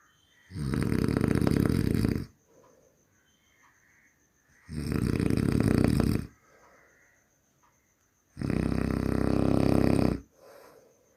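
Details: Human snoring: three loud, rattling inspiratory snores about four seconds apart, roughly 15 per minute, with soft exhalations between; loud snoring.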